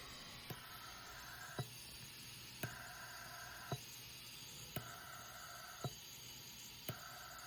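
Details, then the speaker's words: Mechanical ventilator cycling at 20 breaths per minute, I:E ratio 1:1: regular mechanical clicks and a faint tone in steady cycles over room hiss, from an open-source Raspberry Pi/Arduino pandemic ventilator ventilating a mannequin that simulates the body. "So you can see now it's going faster. It's doing 20 breaths per minute."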